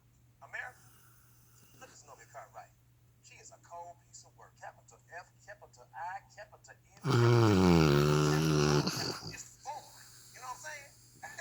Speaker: they even never heard a dog snore like that like I've heard them snore but this is unbelievable hilarious